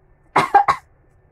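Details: Adult woman gives three quick, sharp coughs in a quiet room while eating very spicy food with sambal terasi.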